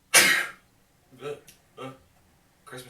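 A forceful throaty burst, then three shorter voiced throat sounds. Throat clearing.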